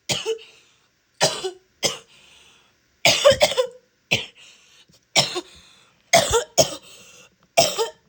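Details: Wet, productive cough with spitting from a female: about ten harsh, loose coughs in short bursts, some with gurgling, mucus-laden tails.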